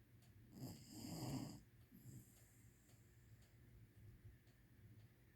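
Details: Loud, rough, low snore on one in-breath, then quieter snuffling breaths; ordinary snoring.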